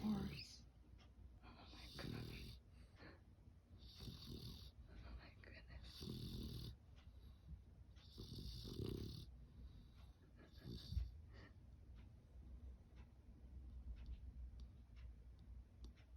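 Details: A puppy snoring softly in repeated rhythmic breaths with faint snorting over a steady low background hum; snoring.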